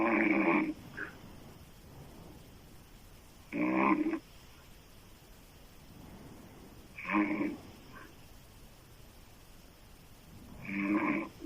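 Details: An adult female snores loudly through an open mouth, with harsh snores about 16 a minute and quiet breathing between; heavy open-mouth snoring.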